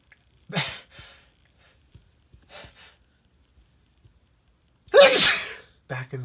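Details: Adult male deliberately inducing sneezes, with stuffy voice: several catching in-breaths build to a loud, explosive sneeze with brief vocal sounds in a quiet room.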